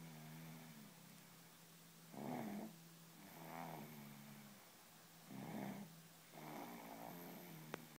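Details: Sleeping dog, slow, rhythmic, rattling snores at about 19 a minute, with a soft whistling tone between them; snoring.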